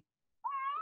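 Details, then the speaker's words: Six-week-old girl with RSV, gurgling breathing and visibly tired, later intubated two weeks in NICU: single brief, thin, quiet cry instead of a wail; weak cry suggesting fatigue and serious illness. "you can see how tired she is so that is a weak cry a baby at six weeks old when they cry they wail if you've been around an infant that's upset or not doing very well they will absolutely wail their tiny heads off"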